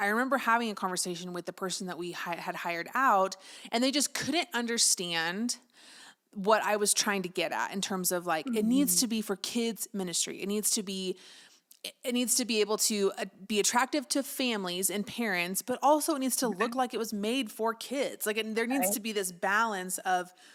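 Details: Adult woman; normal speech.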